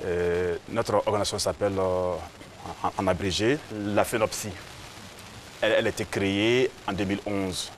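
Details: Adult man who stutters, president of Côte d'Ivoire's national association for people who stutter; stuttering.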